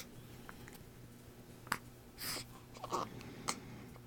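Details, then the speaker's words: Several brief, sharp hiccups at irregular intervals with soft breaths between in a quiet room; sleepy person with repeated hiccups. "don't those hiccups drive you crazy they would drive me crazy ugh oh we're sleepy maybe you can get to sleep now"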